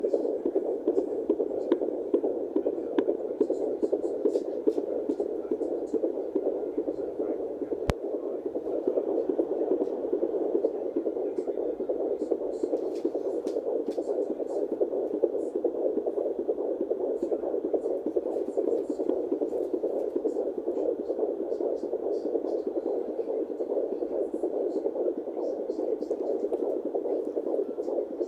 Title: Heartbeat using fetal doppler at 17 weeks